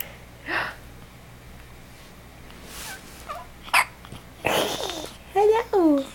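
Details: Young child with hiccups: several sharp, sudden hiccup sounds at irregular intervals, followed by brief babbling.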